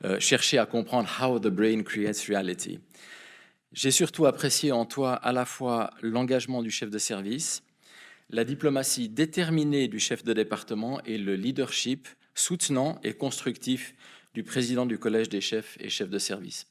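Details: Adult male speaker; normal speech.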